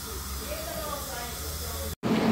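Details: Teeth cleaning at a dental clinic: steady airy hiss and spray of dental cleaning instruments (scaler/suction), with a brief cut-off near the end and louder noise after.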